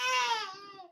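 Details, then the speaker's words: Three-month-old baby boy crying inconsolably despite a diaper change, burping, feeding and holding gives a single brief, high-pitched cry that fades away; ordinary infant crying. "he's crying again let's see what's not the hatching what's another hack so we already changed his diaper we already burped him we already fed him"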